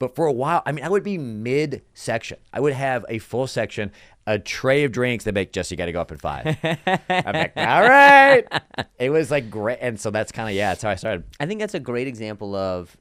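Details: Adult male speaker; typical speech.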